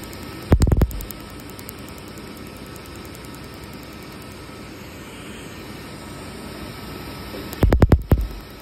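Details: Laser tattoo removal on a chest tattoo: two quick bursts of rapid snapping laser pulses over a steady machine hum; patient declines a break, saying they can definitely feel it now.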